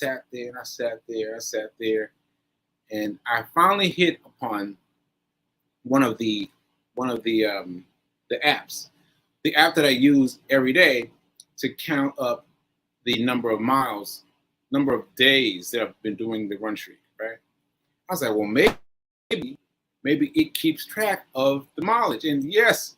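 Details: Post-stroke aphasia in an adult man, about one year after a stroke on 7/14/22, still recovering; aphasia.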